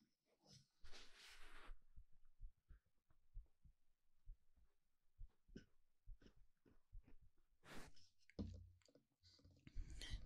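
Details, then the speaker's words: Simulated listener's-head-on-chest ASMR recording on a binaural 3Dio microphone: soft, regular, low thumps of an adult's normal heartbeat heard close to the chest, with rustling handling noise. "What if I lay your head right on my chest and you listen to my heartbeat?"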